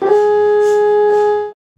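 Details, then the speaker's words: Children's MRI scan: the patient squeezes the grey ball emergency call button, and the alarm sounds as one loud, steady electronic tone of about a second and a half. "je hebt een grijze bolletje mee dit is de nood bel als het niet goed gaat met je kun je knijpen in het belletje dan gaat het alarm af"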